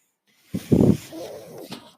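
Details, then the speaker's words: A brief snorting whoosh followed by a softer hissing tone: cycling air noise of the speaker's own ventilator, which he points out while talking in a podcast recording. "that noise earring is my ventilator and welcome to patron as they were not my Star Wars podcast"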